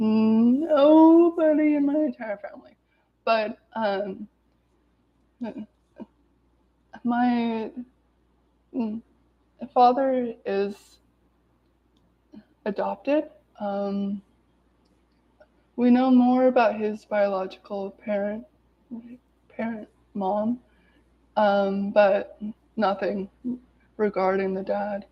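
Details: Adult woman with lifelong stuttering present every day, severe in childhood, with speech blocks and particular difficulty on S-words, speaking spontaneously; stuttering.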